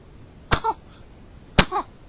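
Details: Sneezing in a baby kitten: two sharp, explosive bursts about a second apart, each with a brief squeaky tail.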